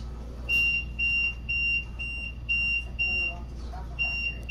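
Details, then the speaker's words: Ventilator set up for nurse training on rapid sequence intubation: repeating high-pitched electronic alarm beeps, about two a second, over low machine hum; a low peak pressure alarm, with causes such as a disconnect discussed. "so low peak pressure what are some causes we talked about some of the height disconnect disconnect if you're having low peak pressures start like troubleshooting troubleshooting your tubes"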